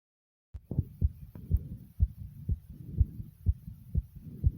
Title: Thumping Fast Heartbeat Sound ❤❤❤